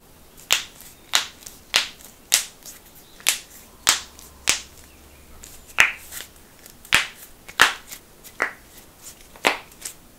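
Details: Compilation of joints being cracked (knuckles, necks, toes, backs, wrists, ankles): a run of sharp, loud pops and cracks, about sixteen in ten seconds; harmless joint cavitation.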